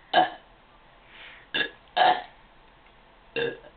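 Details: Girl (sister) burping: four short, throaty belches in under four seconds, each a brief voiced burst with quiet gaps between.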